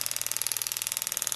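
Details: Powertome powered periotome on a canine of a training model, steep angle at the mesiofacial and distal: high-pitched whine pulsing about twenty taps a second, loosening the tooth for extraction.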